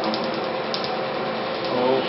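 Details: Laser tattoo removal of a blue and black ink tattoo: rapid, steady mechanical ticking and snapping as the laser fires pulses.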